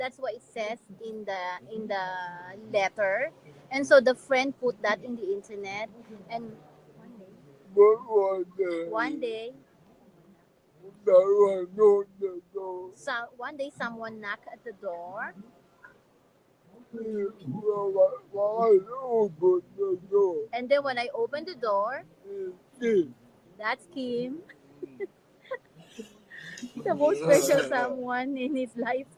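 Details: Adult man with severe cerebral palsy; dysarthria.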